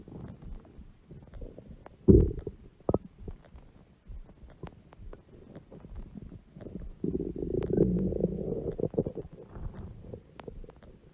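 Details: Low gurgles and crackly bubbling, then a louder pop and a longer rumbling stretch, from a woman's belly. Stomach growling (borborygmi).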